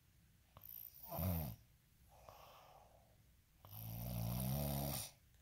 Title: snoring asmr sound 14